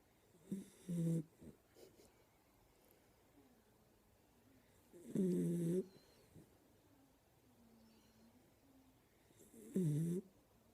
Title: My weenie dog is snoring his butt off!!